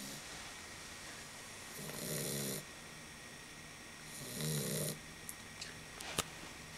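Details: Sleeping dog: two rough, rattling snores a few seconds apart, about 25 breaths a minute; snoring.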